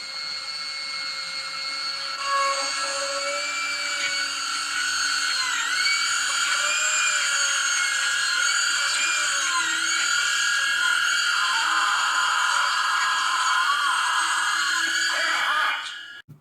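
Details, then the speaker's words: Simulated film scene replayed: a high-speed dental drill drilling into a healthy tooth to reach the pulp, a steady high-pitched whine with small dips in pitch as it bites, ending abruptly. "So, I'll just drill into a healthy tooth until I reach the pulp."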